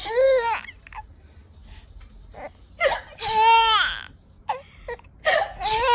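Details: Baby crying: high, wavering wails in bursts with whimpers and short breaks between them; infant cry.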